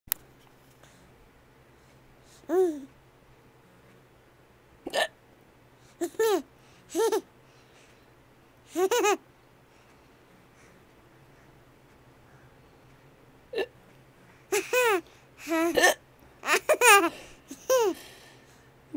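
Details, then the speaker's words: About a dozen abrupt voiced hiccups, irregularly spaced over roughly twenty seconds in a quiet room, while another person finds it funny; hiccups. "thinks it's funny that I have the hiccups. Why is that so funny?"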